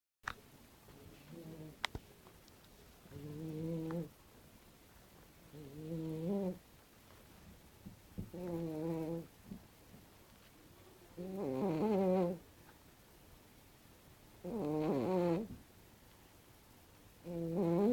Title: Cute cat snoring